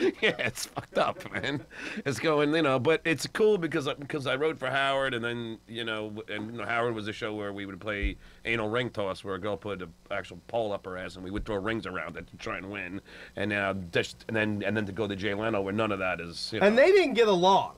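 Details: Adult man with genuine stuttering that is stated not to be an act, speaking in a comedy interview; stuttering.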